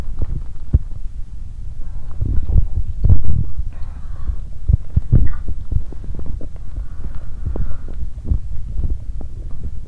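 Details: Active bowel sounds (borborygmi) from an adult woman's abdomen on day 2 of her period, during cramping abdominal pain on one side. Low irregular rumbling with soft clicks and a few brief gurgling bursts.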